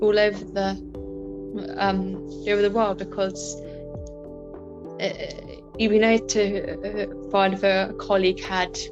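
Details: Adult woman with a stammer; stammering.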